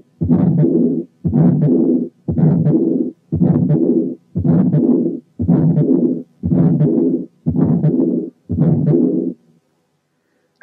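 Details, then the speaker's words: To-and-fro murmur with both systolic and diastolic components, contrasted with a pericardial rub: repeated long rushing murmurs about once a second, one in systole and one in diastole. "هسمعكم صوت حالة فيها both systolic and diastolic murmurs عشان تعرفوا الفرق بينها وبين الرب."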